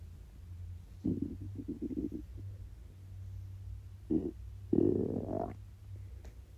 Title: 24 HOUR FAST!!! (starving stomach growls!)